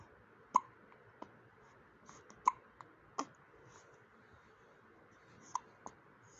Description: Hiccups in baby #cutebaby #newborn #babyboy #cute #baby #motherhood #lovelybaby #indian #trendingshorts #smile